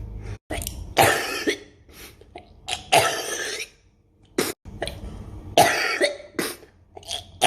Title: misc cough comp 4